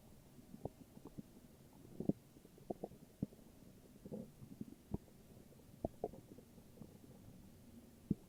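Irregular low gurgles and rumbles over a quiet background: ordinary stomach growling, normal bowel sounds.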